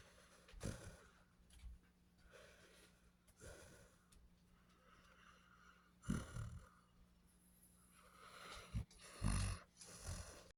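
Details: Basset Hound snoring: soft snuffling snores and snorts at irregular intervals over faint room hum, a few louder snorts near the end.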